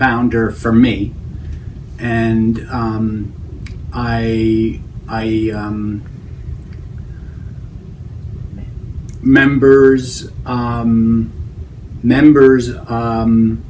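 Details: Adult man with Broca's aphasia after a stroke, struggling to express the words he has in mind; Broca's aphasia.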